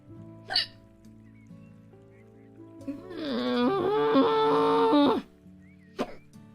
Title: HICCUPS won't leave her alone!